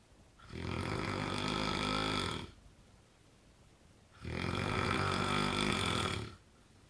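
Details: A man's very loud snoring: two long, buzzing snores about four seconds apart with quiet pauses between; ordinary heavy snoring.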